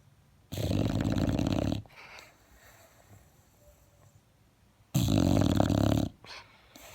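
Two loud, rough, rattling snores on inhalation, each over a second long, with quiet exhalations between: dog snoring.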